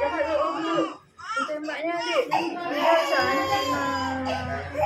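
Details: Loud, strained crying in repeated wailing bursts with a brief catch of breath from a baby having both ears pierced with a piercing gun; an adult murmurs comfort; an infant pain cry.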